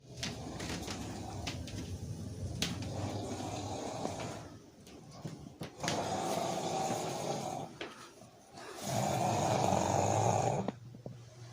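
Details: Adult (husband) snoring during sleep: loud, rattling, fluttering snores on each inhalation, three in about eleven seconds with quiet gaps between.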